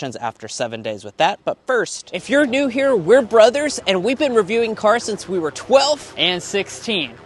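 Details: Young adult male speaker; normal voice.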